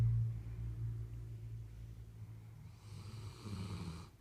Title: Where Snoring dogs lay ❤️